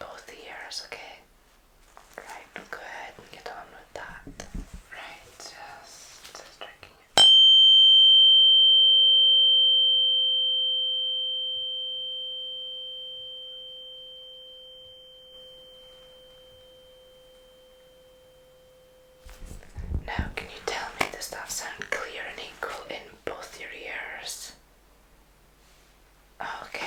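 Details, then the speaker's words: Simulated ASMR cranial nerve VIII hearing exam: a tuning fork (512 or 128 Hz) struck in front of the listener for the equal-in-both-ears test rings a steady pure tone for about twelve seconds amid whispering. "Now, now for the next test, we're just going to strike it in front of you. I just want you to tell me if it sounds equal in both"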